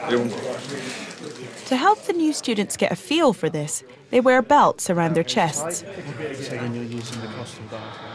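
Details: Adult narrator; ordinary fluent speech.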